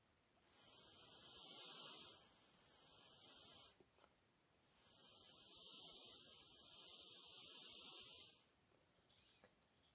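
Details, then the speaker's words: Two steady, soft, airy hisses, each a few seconds, as a person blows through the mouthpiece of a homemade Arduino smart incentive spirometer at the lowest, very slow flow, which the display rates as good status. "so first i will show the lowest bloat which speed is very slow and it will show the good status here"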